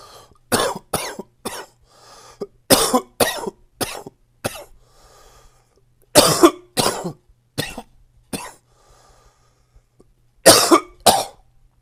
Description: Fresh and new coughing from my current cold.